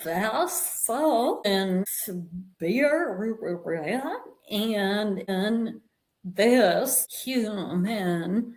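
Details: Adult woman with a vocal tremor attributed to over 50 years of narcissistic abuse and trauma beginning at age five, manifesting after decades of abusive relationships; vocal tremor.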